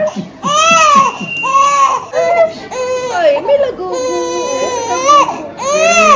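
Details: Loud, rhythmic crying with rising and falling wails and whimpers from an infant girl just after her 6-week vaccinations, one injection in the leg and one in the right shoulder; an ordinary pain cry.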